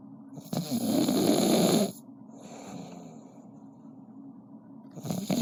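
A loud, harsh, rattling inhaled snore, a softer breath out, then the next snore starting; typical heavy snoring.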